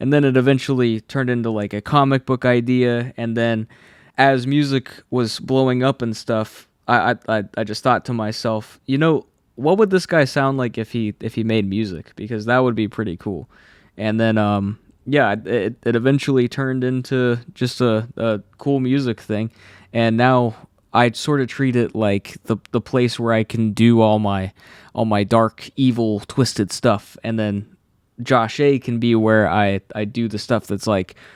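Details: Adult man who has stuttered all his life since childhood, saw a specialist as a child, and says anxiety worsens it; stutters are left unedited here.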